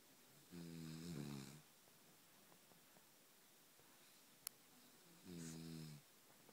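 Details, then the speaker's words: Snoring during sleep, recorded the night before a presidential election: two loud, buzzing, low-pitched snores about five seconds apart with quiet pauses between. "好，现在是总统大选的前一个晚上，我们军歌打呼声，操他妈，直接叉叉笑。"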